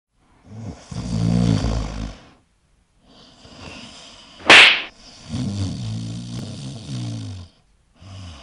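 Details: Heavy snoring: loud, rattling snores on each in-breath separated by quiet pauses, with one sharp snort in between.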